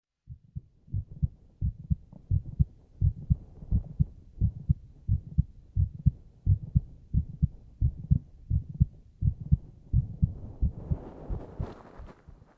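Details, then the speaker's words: Normal heartbeat of a man heard by his girlfriend lying on him, recorded binaurally with a 3Dio ear microphone: steady, soft paired heart thumps at about 90 a minute. "ん心音聞いてるって楽しいのそれ？へえ、落ち着くんだ。"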